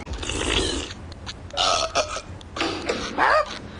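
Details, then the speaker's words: Cartoon burp contest from The Simpsons season 1: Bart's several loud, drawn-out burps with brief gaps, amid family dialogue forbidding burping. "mean Bart are you burping again maybe what is it with this burping"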